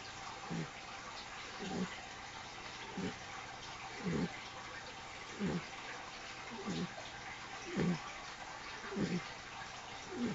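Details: 10-week-old apricot Mastiff puppy snoring very loudly while asleep: regular low rumbling snores, about 50 per minute, partly masked by steady bubbling from a fish tank.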